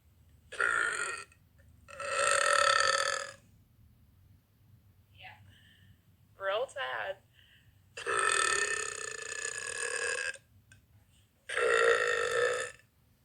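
Several long, loud voiced belches separated by silence, with a few shorter ones between them: repeated burping.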